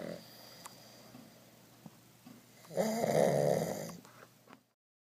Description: Two Pugs snore louder than the Three Stooges.